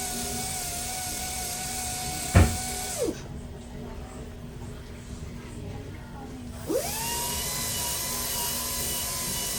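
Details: Dental polishing handpiece during a young child's first dental cleaning and checkup (recent bleeding gums, possible erupting permanent molar): steady high whine stopping and restarting, faint music behind.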